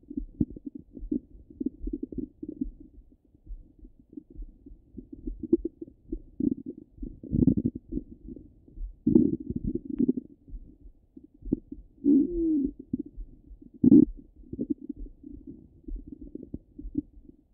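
Continuous gurgling and bubbling with low rumbles and a few louder squeaky gurgles, typical of active bowel sounds.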